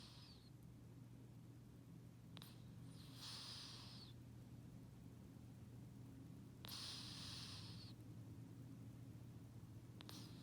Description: This cat sleeps and snores like a human! (Sound on).